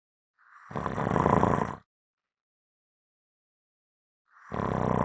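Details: Heavy snoring: loud, rough, rattling snores on breathing in, each lasting over a second, separated by about three seconds of silence.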